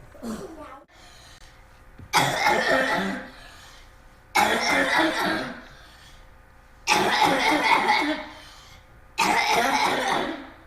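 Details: Habit cough (somatic cough syndrome): chronic cough of up to 5 years, up to 18 hours a day, absent once asleep and returning on waking; patients later instantly and permanently cured by a behavioral procedure.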